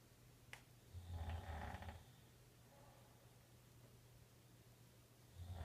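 One low, rattling breath noise lasting about a second, then quiet room noise and the start of another. Snoring.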